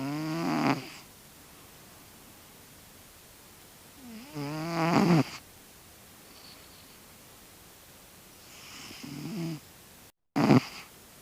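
Three soft rattling snores from a sleeping cat, spaced several seconds apart, with quiet room noise between them.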